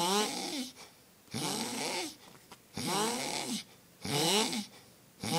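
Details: Man asleep: loud, rattling snores on each breath in, about three in five seconds, with quiet pauses between them.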